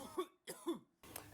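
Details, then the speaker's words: Two short, sharp voluntary coughs from an adult student on a countdown, recorded in a lab high-speed droplet experiment, followed by a burst of noise. "laser on, coughing in 3, 2, 1, go. We start the camera just before the student is coughing, and we record over 2.5 seconds."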